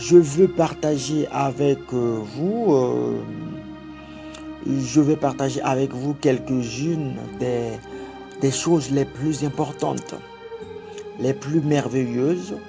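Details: Adult French-speaking man who has stuttered since childhood, had several months of therapy as an adult, and still stutters occasionally; stuttering.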